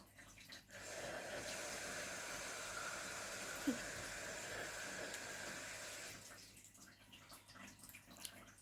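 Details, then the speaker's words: Breathing machine forcing pressurised air into the user's lungs at night, heard when the user stops breathing against it: steady rushing airflow for about five seconds, then fading. "if I stop it from be like via blocked you can hear the pressure to Arabic forced into my lungs right now"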